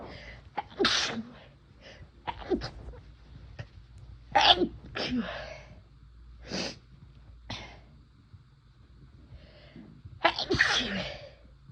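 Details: Several forceful sneezes in a row, some preceded by a sharp intake of breath, triggered by first-time use of chhinkni herbal snuff; repeated sneezing from a nasal irritant.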